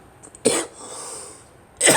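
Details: Coughing person with phlegm mentioned as caught and a persistent cough: two short, sharp cough bursts, the second cut off, with a quiet breath between.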